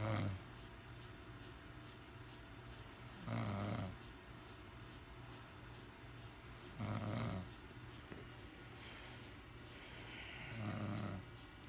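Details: Woman snoring nightly in bed and waking the household: low rattling snores about every 3.5 seconds (roughly 17 a minute) over a quiet room hum; snoring.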